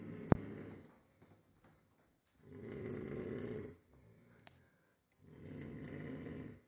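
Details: Man snoring while lying in a fetal position on the toilet floor after a night out: two long, low rumbling snores with quiet pauses between and a brief click; deep, regular snoring.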